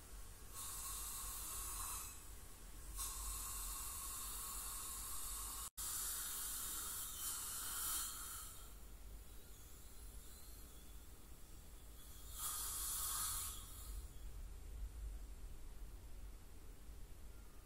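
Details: Teeth cleaning by a dental hygienist on a patient with heavy plaque and tartar, possibly scaling with gingival inflammation or full-mouth debridement: steady hissing spray and suction noise swelling and fading in bursts during dental scaling.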